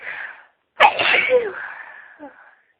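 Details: Sneeze during a sneezing fit, announced beforehand; brief breathy inhale, a pause, then one sharp sneeze trailing off into a voiced sigh; ordinary sneeze.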